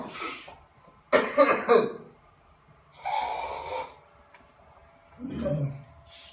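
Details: Repeated sneezing caused by food: three sharp, noisy, explosive bursts through nose and mouth, a second or two apart; sneezes.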